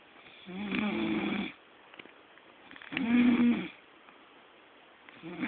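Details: A man who claims he never snores: two loud, rough, rattling snores on slow breaths about three seconds apart, with quiet pauses between and a third beginning at the end.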